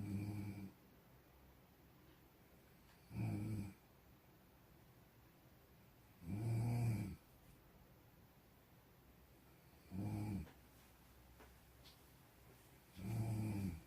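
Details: Deep, low, buzzing snores on each breath in, about five in fourteen seconds, with quiet pauses between; snoring.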